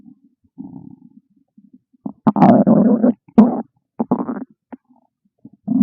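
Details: Hungry stomach growling: loud gurgling, rumbling bursts from the belly; ordinary bowel sounds (borborygmi).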